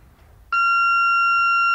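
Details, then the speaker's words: Quiet room, then a sudden steady high-pitched tone that holds: a corpuls3 defibrillator in manual mode charging to a preset 200 joules, unsynchronised, ready to shock, in a training tutorial. "In this case, we decide that we want to defibrillate with 200 joules without synchronisation. We load the pre-set energy,"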